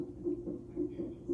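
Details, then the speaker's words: Fetal heartbeat on a labour Doppler monitor at 37 weeks after the waters broke, with the mother lying in bed after a 3rd medication dose: rapid whooshing pulses, with contractions every 5–6 minutes. "I just took my 3rd dose of the medication and I'm being monitored. You can probably hear baby's heart beat."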